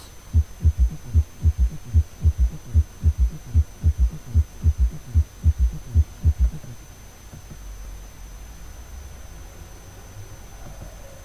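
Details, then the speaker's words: Example of a third heart sound (S3) gallop as heard with the stethoscope bell placed lightly at the apical impulse, patient rolled partway onto left side: regular low-pitched heartbeat near 75 per minute with a soft extra thud after S2. "if the patient had an audible S3 it would sound like"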